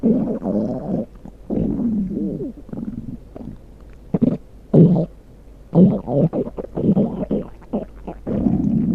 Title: Stomach Growl 3